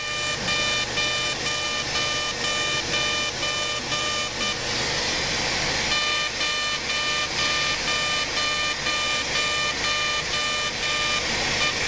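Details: Fully ablative CO2 laser resurfacing with a facelift: rapid electronic beeping about twice a second over a loud rushing hiss.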